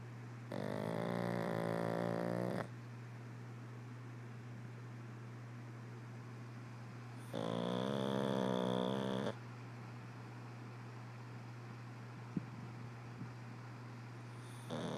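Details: Pug snoring with eyes open: two long, buzzing snores several seconds apart over a steady low electrical hum.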